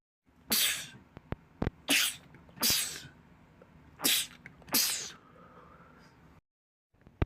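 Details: Male rapid sneezing attack from a sneezing compilation: five sharp, forceful hissing sneezes with brief pauses, faint clicks and low room noise; sneezing.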